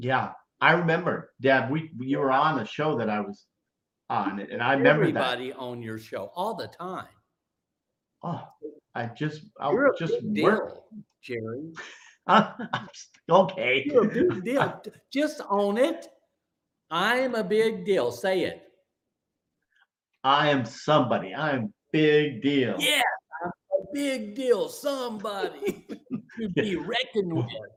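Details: Aphasia following a stroke, in a stroke survivor about 9.5 years post-stroke, speaking during a live show.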